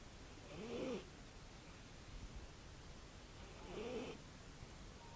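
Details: Two soft breath sounds about three seconds apart, with a faint whistling, squeaky tone, from a sleeping cat that snores and whistles; harmless.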